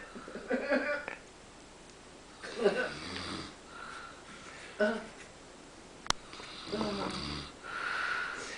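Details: Pa asleep in the middle of everyone: irregular rough, rattling breathing noises about every two seconds, a sharp click midway; snoring.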